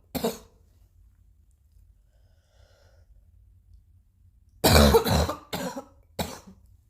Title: new cough 1